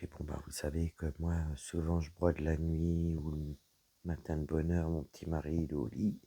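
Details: Woman whose vocal cords were damaged by a serious health problem; she reports a deeper voice than before, at times little voice, inability to speak loudly, and a frog in her throat. Dysphonia with low-pitched voice.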